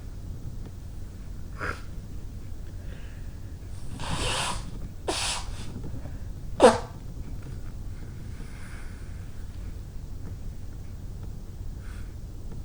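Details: Woman sneezing and blowing her nose, trying to fulfil a request for honks: a short, sharp, sneeze-like burst with a few breathy snorts and blowing noises in a quiet room.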